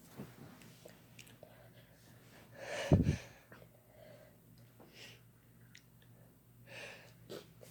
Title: Sneezing Together Using Chhinkni Again